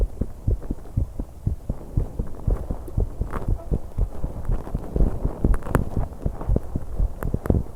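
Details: 21-year-old female on an exercise bike, recorded to capture breathing with much noise: rapid, strong low heart thumps with noisy breathing and movement rumble; fast heartbeat during exertion.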